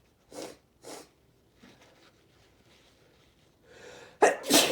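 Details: Adult man sneezing after using a strong substance that burns the nose: two soft breathy sneezes, a pause with quiet breathing, then a loud forceful sneeze in a hard sneezing fit.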